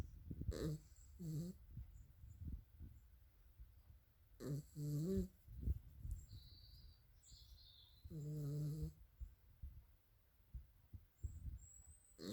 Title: Sleeping dog snoring